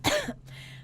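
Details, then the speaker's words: Acted cough: one short, forceful cough with a throat-clearing quality, followed by low room hum; a deliberately faked cough during a joke about possibly having laryngitis. "Oh, I feel a little cough coming on. You should go home right now."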